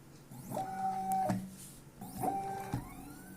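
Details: Motor whine rising and falling in two cycles with a click at each switch, a low-cost Arduino stepper-motor-driven AMBU-bag ventilator (respiArt v5) delivering pressure-triggered assisted breaths in a demonstration; ventilator in pressure-triggered assist mode.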